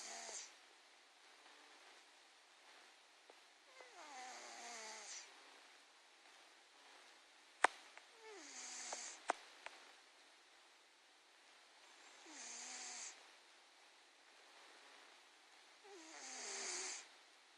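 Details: A large 21-pound domestic cat snores quietly, about four soft rasping breaths across seventeen seconds; the recording is faint.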